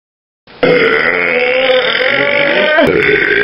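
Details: Boy burping: one long, loud, drawn-out voiced belch of about three seconds, rough and rumbling, falling in pitch near the end; burping.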